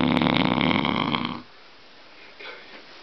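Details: Adult man snoring: a deep, rumbling, fluttering snore about one and a half seconds long, then near silence.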